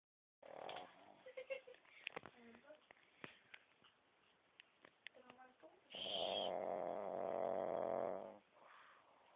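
Soft clicks and snuffles, then one long buzzy rattling snore on a breath; a small animal snoring.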